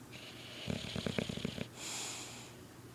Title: Boof the Bulldog snoring